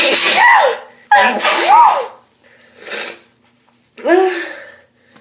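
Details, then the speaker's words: Girl sneezing from allergies, trying to hold sneezes back: three sharp voiced sneezes, each with a quick intake and forceful burst, plus a quieter exhale between them. "My allergies tingling so much. Stop [Music] sneezing. Okay, I'm so tired of Steeying."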